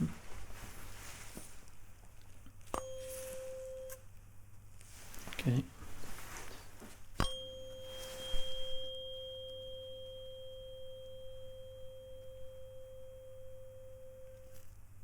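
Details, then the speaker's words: Simulated cranial nerve exam in an ASMR roleplay: two tuning-fork tones, the second ringing and slowly fading, during ear-by-ear hearing testing just before a Weber bone-conduction test. "okay now we're going to be performing a Weber test here okay so I'm replacing this on the top on the middle rather of your forehead okay we're looking for a bone conduction here"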